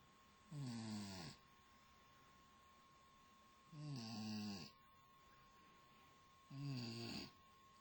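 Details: Luna, 4 months old, sleeping: three steady, buzzing snores about three seconds apart, roughly 20 breaths a minute; regular snoring in a sleeping pet.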